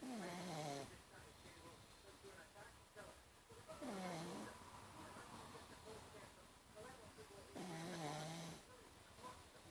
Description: 'Mutley' the pug snoring with his eyes open